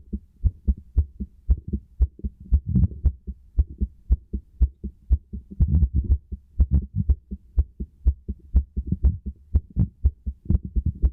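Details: Heart sounds heard through a stethoscope: regular low heartbeat thumps at about 60 beats a minute, each beat a paired lub-dub.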